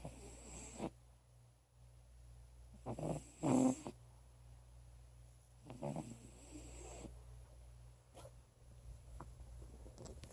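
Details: Soft, faint snoring from an aged cat of about 16–17 years with asthma and other problems: a few low rattly breaths over steady room hum; owner reports she usually snores really loudly.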